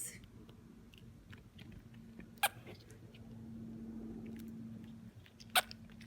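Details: Orphan baby grey-headed flying-fox (bat) in care, with hiccups.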